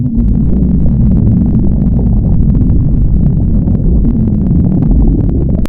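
Loud, continuous low gurgling rumble lasting several seconds; hunger-related stomach growling, a normal gut sound.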